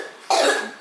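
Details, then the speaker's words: A single short cough from a 7-year-old boy, cough started a day earlier and sounds different; weeks earlier a doctor suspected asthma; cough. "Kaya lang, iba yung tunog ng ubo niya. So, alam ko na kailangan ko na talagang dalhin sa doktor."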